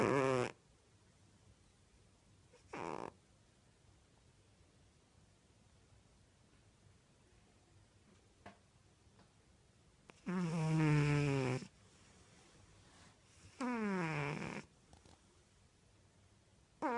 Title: Snoring.